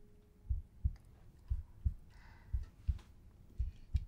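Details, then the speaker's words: Normal heartbeat of a recovering animal patient after an operation, heard by stethoscope on the chest: steady paired lub-dub sounds at about 60 a minute, in a children's TV episode. "it her heart beating her heart beating that's right is it going ldb ldb L dub no that's perfect that's great sounds sounds really good"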